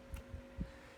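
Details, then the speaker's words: Normal heart sounds in a cardiac auscultation lesson: low, dull first and second heart sounds in a steady rhythm, with systole between S1 and S2 and diastole after S2. "el corazón produce dos sonidos rítmicos el primer sonido luz y el segundo sonido se genera entre el primer y segundo sonido se llama sístole cardíaca"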